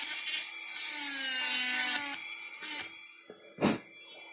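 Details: Simulated preparation of mandibular first molar (FDI #36) on a typodont for full veneer crown: high-pitched high-speed handpiece whine with brief pauses, cutting mesial proximal surface after distal reduction completed.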